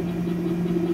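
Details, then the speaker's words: Hill-Rom Vest 105 high-frequency chest wall oscillation vest worn by a person with cystic fibrosis, starting slowly on a very low setting: a steady low mechanical hum with soft rapid pulsing. "uh so it starts off slowly and it works its way up to whatever speed you've had you have it set out whoa that slower setting is"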